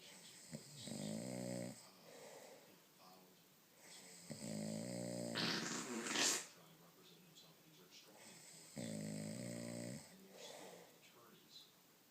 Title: The snore'er and the fart